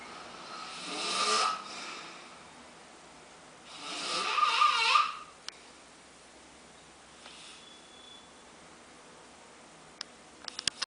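Two harsh, breathy snoring breaths with a rattling, whistly edge, then quiet; snoring.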